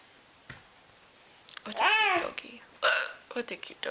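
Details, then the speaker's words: Person with hiccups, which they rarely get, while babysitting: a sudden voiced gulping sound mixed into speech, typical of a hiccup. "you are anyways I hope you guys are enjoying these HIC hiccups that I have finally I got them on camera for you guys that have been requesting them"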